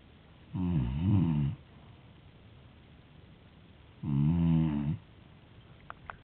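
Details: Two loud, low, rattling snores about three and a half seconds apart, with quiet between them; loud ordinary snoring.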